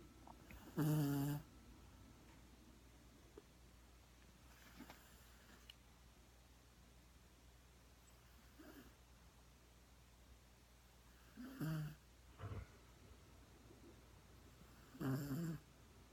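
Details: A dog snoring loudly in its sleep: short, irregular snorting snores in a quiet room.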